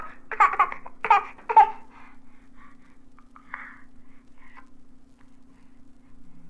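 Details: Infant vocalizing (babbling/cooing), from a 1967 recording of babies' sounds for expectant and new parents.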